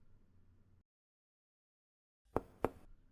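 Three sharp percussion taps with a hollow, resonant ring over the left lower ribs: tympany over the stomach in Traube's space.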